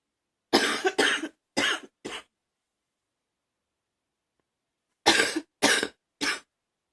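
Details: Ongoing cough attributed to allergies: two bursts of harsh coughing, four coughs then three, separated by a pause.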